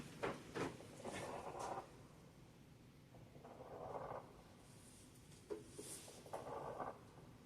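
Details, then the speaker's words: Recorded example of rales (crackles) played in an EMT class: breathing sounds with a wet, bubbly crackling texture in the lungs, an abnormal lung finding. "Yeah, rails is a wet sound. It's a wet sound."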